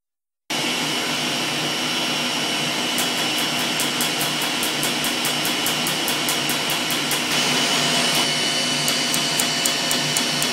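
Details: Dermatologist's R-20 laser tattoo removal on a numbed patient having two tattoos removed: loud steady whirring with rapid, regular snapping pulses as the laser fires.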